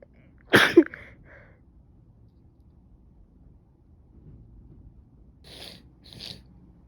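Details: Person with a suspected cold (stuffy nose, coughing, severe headache, fever): one sharp, explosive sneeze with a quick double burst, then quiet breathing and two faint sniffs; sneeze.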